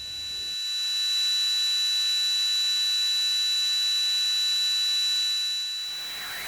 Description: Tinnitus plagues 1 in 10, with millions worldwide severely afflicted.